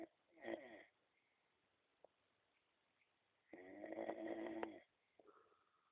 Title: super snore